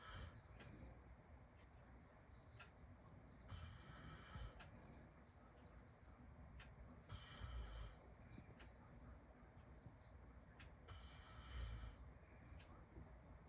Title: Dad’s snoring during Heavy Rain